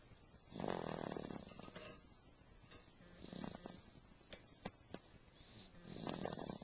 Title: ...SNORING....TURN IT UP....